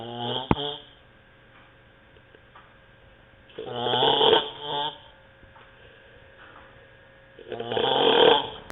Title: Terrible snoring